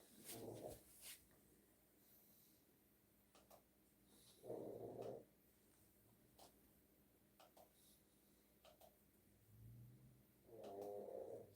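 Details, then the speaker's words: Sleeping female dog snoring, rhythmic rattling snores roughly every five seconds over quiet room noise, heard during a live stream: ordinary snoring. "I can still hear the snoring dog. It's the female."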